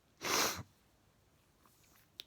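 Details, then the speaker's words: Sneeze during a bedtime sneezing fit, with jaw spasms, after the person announces the urge to sneeze: a single sharp, hissing burst under half a second, followed by quiet. "I want to sneeze I'm going to sneeze"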